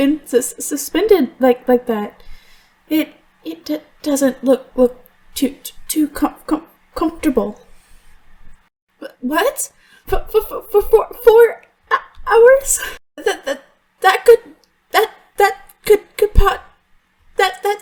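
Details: Female voice actress who stutters in real life, performing a stuttering character; the portrayal is acted, but some words were genuinely hard to get out, and her stutter worsens when she is very stressed; stuttering.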